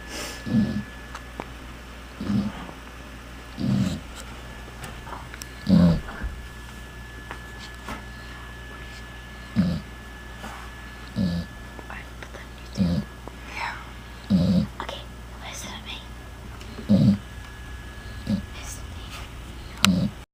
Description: my dog Mya snores really loud lol